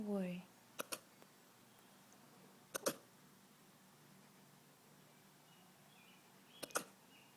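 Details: French bulldog hiccups: brief paired clicks recurring every couple of seconds.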